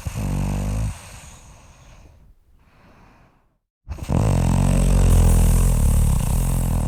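Loud, rattling snores on the in-breath, separated by a quieter out-breath and a short silent pause. Snoring.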